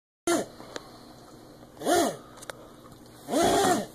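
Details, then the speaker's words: Dog having a reverse sneeze, repeated harsh honking snorts drawn inward. Owners feared a seizure, but the veterinarian confirmed a reverse sneeze, common in dogs and lasting from a second or two to one or two minutes. "I'm happy to announce what you just witnessed is what they called a reverse sneeze it looks horrible but it's not a seizure it's actually a fairly common part of a dog's life"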